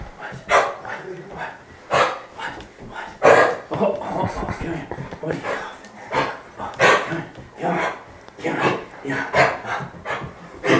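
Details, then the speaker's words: Dog with kennel cough (infectious tracheobronchitis), sudden onset, coughing when excited or moving: repeated harsh, hacking cough bursts, as if trying to bring something up. "they just start to cough and it sounds like they're trying to cough or bring something up"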